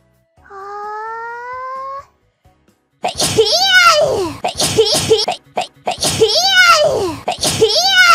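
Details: A short rising chime, then a run of sharp, squeaky high-pitched bursts in quick succession, consistent with a series of sneezes.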